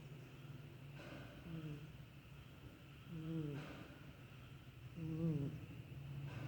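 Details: Low rumbling snores, about three in six seconds, with a soft whistling edge on each breath: snoring.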